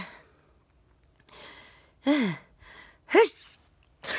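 Two sharp sneezes, each preceded by a short indrawn breath, with another starting at the end; repeated sneezing.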